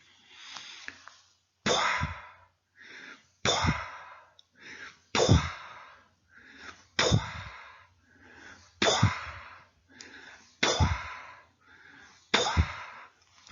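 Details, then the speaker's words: Simulated, vocal imitation of an early diastolic decrescendo murmur, typical of aortic or pulmonary regurgitation, described as an echo fading in a cave; sharp burst fading away, repeated about 35 times a minute. "entonces este soplo in decreciendo es o escape sismo vídeo es propio de la insuficiencia aórtica de la insuficiencia pulmonar"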